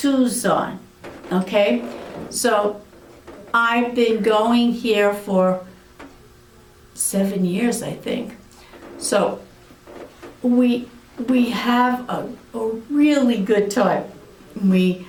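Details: Aphasia in an adult woman after a severe stroke about eight years earlier.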